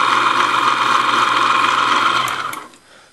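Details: A vintage 1992 WaterPik water flosser, repaired and not for actual use, running: a steady, rapid mechanical buzz as its motor drives the pump back and forth, winding down at the end.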